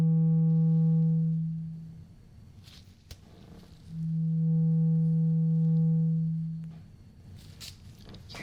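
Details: Simulated hearing test in a role-played annual doctor exam: two pure, steady ringing tuning fork tones that fade out; listener asked which side they hear it and when the sound stops.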